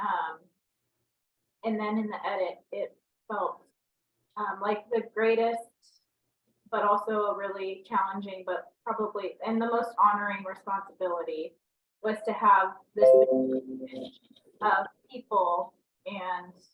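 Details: Dysarthria due to ALS in an adult woman diagnosed with ALS in 2014, recorded in 2023.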